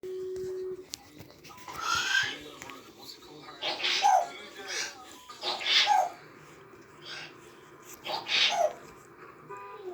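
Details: African grey parrot imitating a sneeze as a learned act: about four repeated short, sharp sneeze-like bursts; imitated, not real sneezing.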